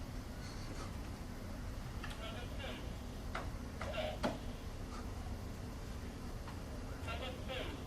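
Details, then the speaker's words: Muffled, low-pitched speech of five words with crisp consonants missing: a demo simulating high-frequency hearing loss; the words are hard to understand. "but I've got the demo of what it sounds like to have a high frequency hearing loss and so this person's gonna say five five words"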